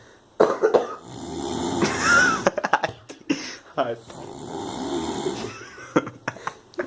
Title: Drunken friend snoring